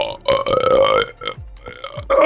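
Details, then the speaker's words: Burping: a long, loud, drawn-out tonal belch followed by a shorter second burp, from a burp compilation. "Sorry, I need to burp again."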